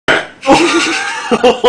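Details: Short, loud, throaty burp with a rough voiced tone.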